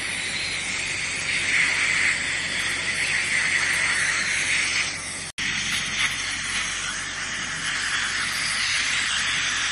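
Steady loud hiss of a dental air polishing device spraying during a cleaning, with a brief break midway.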